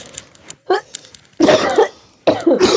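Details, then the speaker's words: Adult in a household where the baby has a cold, cough and fever; this person says they also feel a cough coming: a short throat-clearing sound, then two loose, harsh coughs in a quiet room. "[नाक से की जाने वाली आवाज़] हमको भी खांसी जैसा लग रहा है।"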